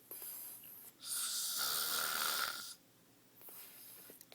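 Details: Sleeping husband's heavy snoring: a loud, harsh, rattling snore on a long breath in, coming after a pause where the listener says he is not breathing.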